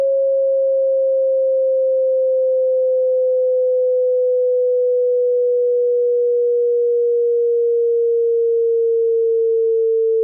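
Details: Hearing test tone from a high-to-low sweep: a single steady pure tone, slowly and slightly falling in pitch.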